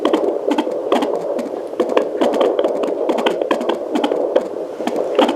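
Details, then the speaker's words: Fetal heartbeat of a male fetus heard on a Sonoline C 2 MHz pocket fetal Doppler with water-based lubricant; fast, regular whooshing galloping beats, display showing 125–135 bpm, within the expected 130–150 range. "so now we're gonna work on finding the little guy and it's a boy so the heart rate should typically be around 130 to like 150"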